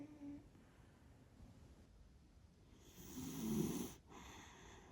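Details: One rough, rumbling snore lasting about a second over quiet background noise; snoring.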